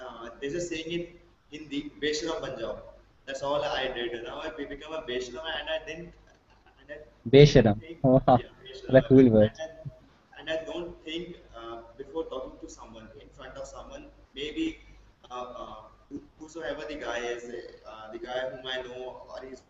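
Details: Male college student who has stammered since about class one, possibly triggered by frequent childhood hospitalization; blocks, especially on his own name, reduced with practice; stuttering.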